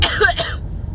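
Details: One harsh cough with throat clearing just after a strenuous PARE fitness test; the person reports chest pain and a wheeze in the voice afterwards.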